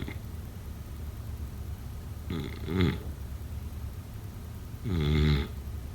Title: #sleepnoises #snoring #sleepsounds #snoringasmr #snoringsounds #snoringsleepingsoundeffect